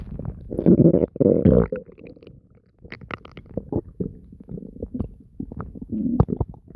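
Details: Active bowel sounds (borborygmi): constant loud low gurgling and deep growling stomach noises with bursts of bubbling.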